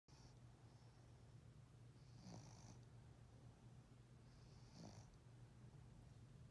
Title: Maya - little snores